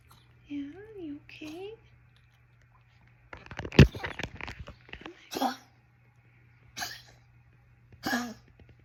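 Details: A dog named Paco whines, then gives a cluster of harsh hacking bursts followed by a few separate coughs, comforted by the owner afterward; coughing fit.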